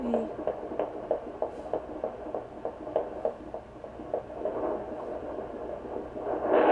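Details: Pregnant Golden Retriever near whelping, temperature dropped to 98.5, pups expected by morning: rapid, regular soft thumps of one puppy's fetal heartbeat, about 200 a minute, over a low hum.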